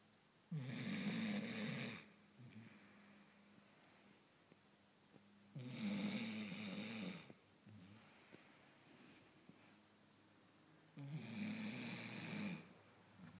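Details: Loud rattling snores on each in-breath, about 12 a minute, with quiet breathing out between, from an old sleeping Scottish Terrier; loud snoring.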